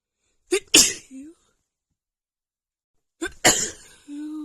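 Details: Female with an itchy sneeze attack: two forceful sneezes, each with a sharp inhaled catch and explosive hissing burst, then a brief voiced sound.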